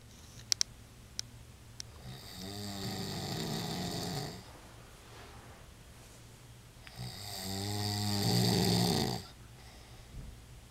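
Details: Adult man snoring and then being woken up: two long, rattling, rising snores with quiet pauses between them, in a small room.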